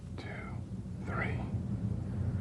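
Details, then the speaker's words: Posterior chest auscultation with stethoscope diaphragm while the patient whispers "1, 2, 3": whispered pectoriloquy, the words louder and clearer than normal, suggesting airless lung. "when these sounds are louder and clearer than normal whispered pectoriloquy is present"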